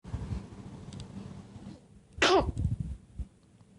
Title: baby sneeze